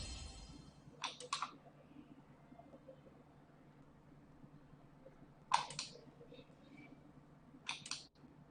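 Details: Sharp snapping clicks in short bursts with quiet pauses: Nd:YAG laser pulses during a second self-performed, non-professional tattoo-removal session on star tattoos, using a professional machine.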